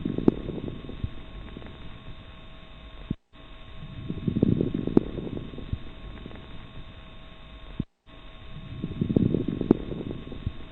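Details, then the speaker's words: Breath sounds with low, bubbling crackles over each breath, played as an example of coarse crackles; crackle coarseness helps judge how much fluid is in the lungs. "describing whether the crackles are fine or coarse will help the doctor decide whether the how much fluid the patient may have on the lungs having explained this let's listen to coarse crackles"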